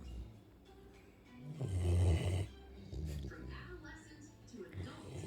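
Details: A sleeping 100-pound Labrador dog lying on its owner as a pillow: a single low, rumbling snore over background television sound and room noise.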